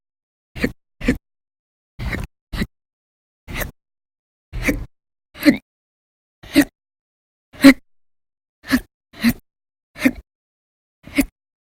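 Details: Thirteen short, sharp hiccups in about eleven seconds, irregular, from a person with persistent, violent hiccup bouts lasting hours at a time over November 1–20, 2019.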